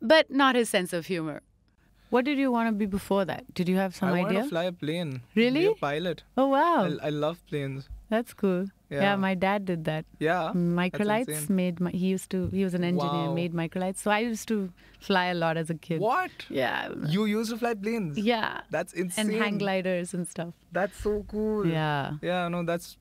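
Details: Adults in conversation; typical speech.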